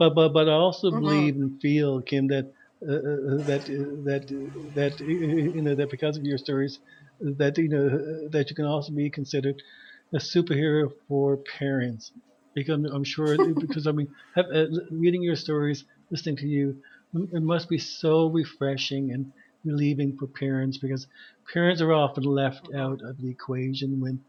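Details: Adult man who stutters, with repeated part-word repetitions — stuttering.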